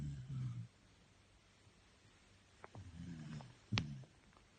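Low rumbling snores in a few bursts, with quiet gaps between them; ordinary snoring.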